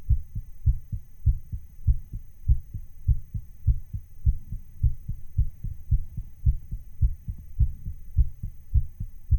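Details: Own heartbeat recording, digitally sped up slightly to imitate a racing heart; fast heartbeat.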